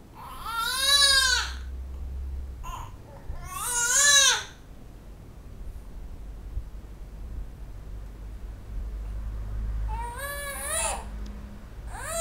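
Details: Loud, intense bursts of angry infant crying with rising-falling pitch and pauses between them, in a small room.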